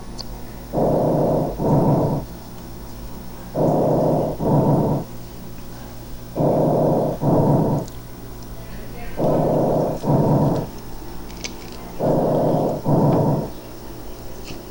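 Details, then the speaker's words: Normal tracheal breath sounds heard over larynx, trachea and main bronchi: loud, harsh, hollow sounds in both phases, about 20 breaths a minute, from turbulent airflow through the glottis. "pues ese paso del aire a través de la glotis hace que choquen las corrientes de aire entre sí y nos generen esta vibración nos generen este ruido que se va a conocer como componente erótico y que ustedes pueden escuchar así"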